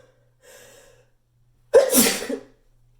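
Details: A soft intake of breath, then a single loud, explosive sneeze with a sharp burst, recorded in an echoey bathroom against a faint steady hum.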